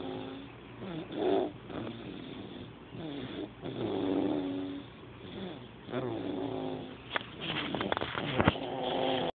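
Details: Sleeping cat with slow, rhythmic, rumbling, purring-quality breaths, about three cycles in nine seconds; soft snoring.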